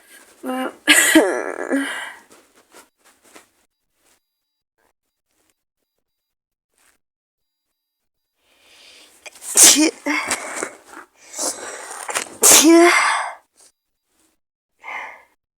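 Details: Simulated role-play scenario of a person with an awful cold, possibly flu, with fever. Loud explosive sneezes and harsh cough-like bursts separated by silence, with nasal congestion and nose-blowing; the person tells the listener to keep their distance.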